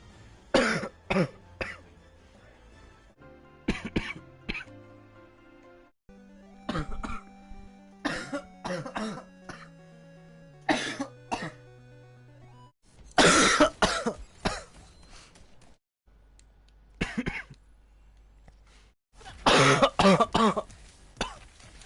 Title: barking cough